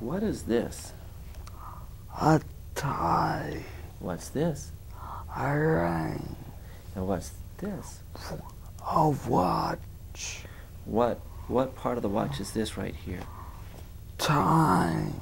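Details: Adult patient naming objects for an examiner; spastic dysarthria.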